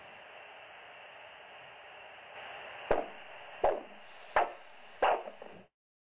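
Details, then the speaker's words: Handheld Doppler probe at the ankle during an ankle-brachial index test for peripheral arterial disease: steady hiss, then rhythmic arterial whooshing returns at about 80/min as the cuff, inflated above flow, deflates, marking ankle systolic pressure. "then slowly deflate the cuff until you hear the sound of the systolic pressure and record"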